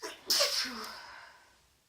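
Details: Woman on day 2 of a congested head cold, sneezy after a bath meant to loosen congestion: a brief in-breath, then one loud, hissing sneeze that fades away.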